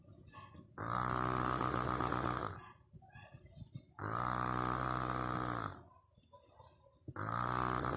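Loud, long, rough snores about every three seconds, each lasting nearly two seconds, with quiet breathing between.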